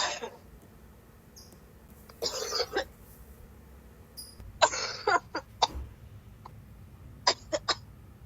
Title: Coughing so hard wanna puke! 🤮🤮🤮